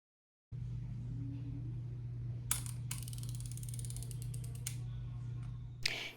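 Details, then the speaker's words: Steady hum with a few sharp ratcheting clicks as an Ozempic injection pen with a thin short needle is used for a self-given injection. "you're going to stick it in it's going to make a little noise so"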